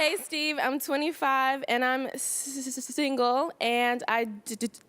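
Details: Stuttering in a 25-year-old American woman, with secondary eye blinking.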